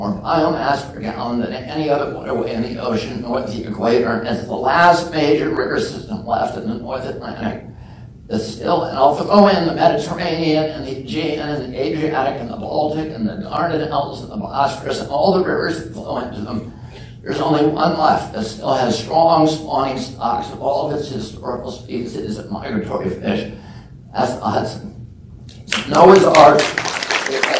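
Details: Spasmodic dysphonia in an adult man, self-reported as spasmodic dystonia with onset at age 42 causing voice tremble; he says it is painless and lessens or goes away after speaking a while.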